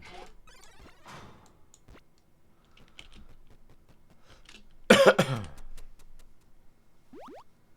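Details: Sick adult streaming a video game: a single harsh cough over quiet game sounds and clicks.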